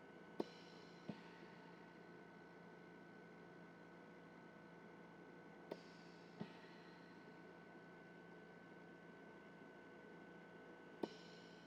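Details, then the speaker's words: Puppywarmer Pro Series oxygen concentrator supplying an incubator, in normal operation: steady quiet hum with occasional sharp puffs as it vents nitrogen filtered out by the molecular sieve back into the room. "when you hear that P sound coming from your oxygen concentrator that's it releasing nitrogen back into the atmosphere"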